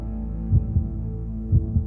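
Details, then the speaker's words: Simulated healthy heart beating in a TV advertisement: two lub-dub pairs of soft low thumps about a second apart over a steady hum, near 60 a minute; normal heartbeat. "It's a sound we take for granted, a healthy heart beating away."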